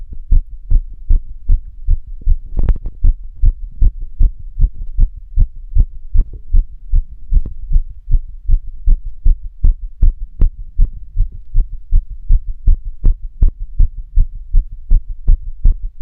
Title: Longer Heartbeat recording while being active